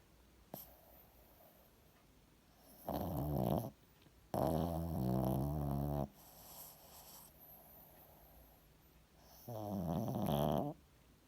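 Three loud, low rattling snores with quieter breathing between them, from a sleeping dog; heavy snoring.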